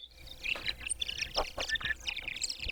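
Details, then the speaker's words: A hearing aid set to full target gain is placed in the ear and gives rapid high-pitched chirps and screeching whistling squeals; hearing aid acoustic feedback. "you can hear the feedback. It's a screeching high-pitch whistling noise. You can hear it's just chirping away."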